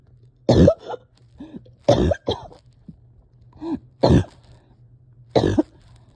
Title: Coughing with some breathing ￼struggles